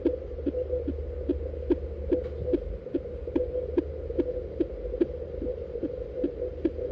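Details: Rapid, regular whooshing fetal heartbeat at about 146 beats a minute on a fetal Doppler, within the usual fetal range: fetal heart sounds.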